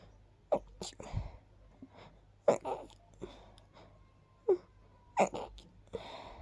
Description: Very sneezy, sharp little sneezes. Probably caused by a mix of dust and pollen 😅